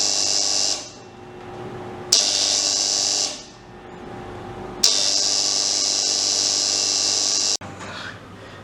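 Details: Hospital medical suction machine being tested during repair for a noisy motor: a loud, steady high-pitched hiss that switches on and off in cycles.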